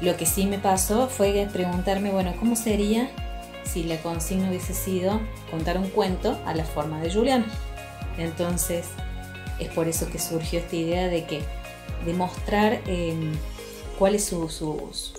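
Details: Adult woman speaking Spanish over background music; ordinary speech.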